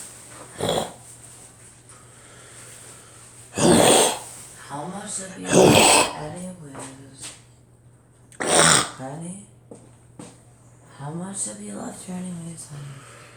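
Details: Person coughing at home: a few loud, harsh cough bursts mixed with talking and household sounds in a small room; an ordinary cough.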